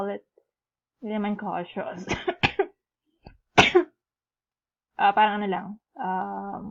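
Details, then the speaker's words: Adult man, sick for about 15 days with a cough, speaking and breaking into about three sharp, harsh barking cough bursts. "it's probably going to be a bit distracting because i would be coughing in some of them right there i've been sick in the last 15 days or so and i had some cough"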